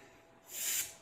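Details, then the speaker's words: Imitation of vesicular breath sound in a lung auscultation lecture: a soft, gentle sound like sucking in an "F", heard continuously throughout inspiration and early expiration. "Бұл тыныс ішке дем алудың барлық сәтінде және дем шығарудың алғашқы сәтінде үзілместен естіледі. Айтылуына қарағанда нәзік дыбыс F әріпін ішке сорып айтқанға"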